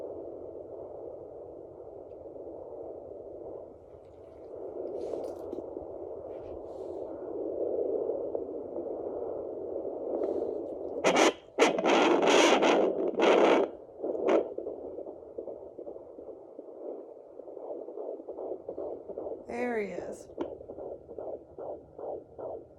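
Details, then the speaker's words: Fetal heartbeat picked up with a Sonoline B at-home Doppler in early pregnancy (first found at 8w4d), mother lying horizontal: whooshing and probe scraping, then a rapid, regular galloping heartbeat near 150 a minute; active baby. "is so you see how it sounds like a horse running oh and he's gone so i have a pretty active baby"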